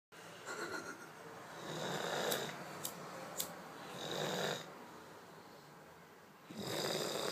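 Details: A male roommate asleep at night, with raspy snores on slow in-breaths about every two to three seconds and a few faint clicks in the room; ordinary snoring.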